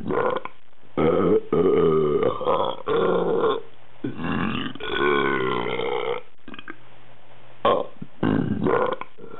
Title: Pop Art Burps